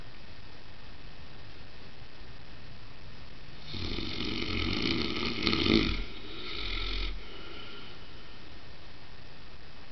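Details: Saint Bernard dog sleeping on the stairs: one long, coarse, rattling two-part snore of about three seconds in a quiet room; snoring.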